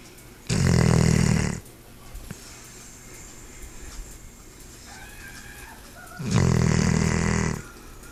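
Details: Snoring: two loud, long, rattling snores about six seconds apart, with quiet breathing and faint room noise between.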